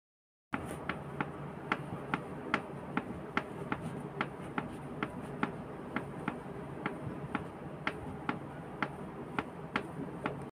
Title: ASMR CRACKING KNEE BONE SOUND#asmr#asmrsounds#crack#bone#knee#painful#shorts#shortvideo#ofwlife